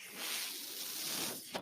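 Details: Speaker's own mechanical ventilator breath sound, heard in the background while he talks on a podcast.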